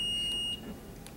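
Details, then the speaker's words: A steady high-pitched charge tone on a Zoll R Series defibrillator cuts off abruptly as a synchronized cardioversion shock at 75 joules is delivered on the R wave during ACLS training; defibrillator shock tone. "now sometimes you might have to hold that charge that shock button down for just a second so that it will um deliver the shock right with the R1 wave"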